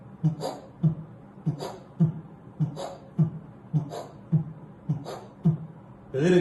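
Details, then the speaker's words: Imitated heart sounds: four normal beats, then an ejection systolic murmur from the fifth beat. It is a short mid-systolic crescendo-decrescendo, not touching S1 or S2, loudest over the aortic area. "هعمل اربع عدات نورمال ومن الده الخامسه هركب ايجيكشن مستك"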